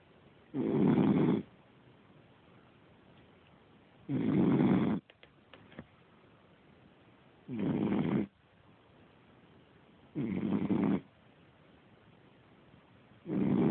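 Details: 5-month-old Cavalier puppy asleep on a couch, filmed on a cell phone: loud, rough snores on each breath in, about 18 a minute, with quiet snuffles between; heavy snoring.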